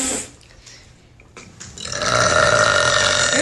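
A short burp, then a long, loud, rumbling burp lasting over a second: belching.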